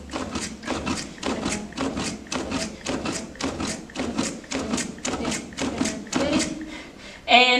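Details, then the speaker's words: Steady rhythmic thumps of chest compressions on a CPR training manikin, about 110 a minute, aiming for correct depth and full recoil, during an OSCE assessment, with brief room noise at the end. "also I want to make sure that I'm going one serve as the depth of the chest and that I am doing good recoil"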